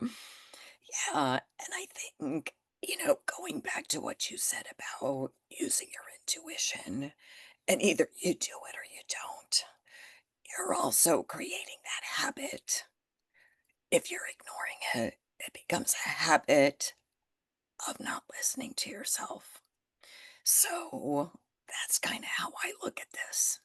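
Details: Spasmodic dysphonia in an adult woman, developed after stress and illness, ongoing and managed naturally without Botox.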